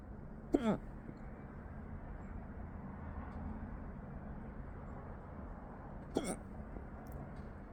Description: I had the hiccups earlier this morning but they went away quick, then came back again full force after lunch!